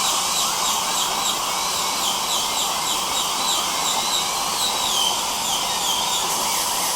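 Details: Simulated dental appointment: a steady high-pitched drill whine with shifting pitch over a constant hissing rush of suction.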